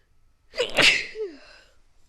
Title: sneezing 1